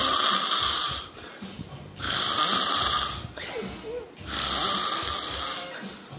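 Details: A male caught sleeping a few seconds after a phone call, snoring: loud, rough, hissing snores in a slow steady rhythm, about two breaths in six seconds, with quieter breathing between.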